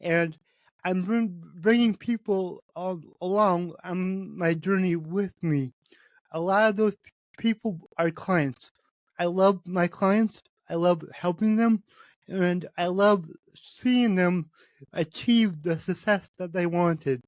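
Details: Adult man with cerebral palsy, which he says affects every muscle in his body; he reports his speech is much better than 8 months ago and improving as his health improves; dysarthria from cerebral palsy.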